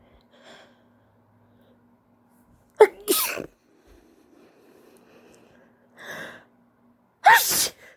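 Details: Female with pollen allergy and itchy nose: two sharp sneezes, each with a quick in-breath, a softer breathy sound between; allergy sneezing.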